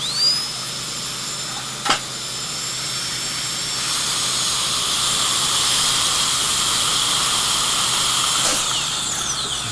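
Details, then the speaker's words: Dental drill cutting an initial pilot hole through the buccal cusp area of a crown for endodontic access: a steady high-pitched whine with brief pitch changes under load. "an initial pilot hole and it's not very thick there and there's tooth structure underneath it at least the crown isn't very thick"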